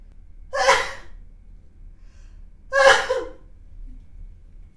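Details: Sneezing from a consenting model.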